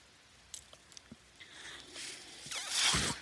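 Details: Mechanical ventilator noise heard in the background while its user, a man, speaks on his podcast.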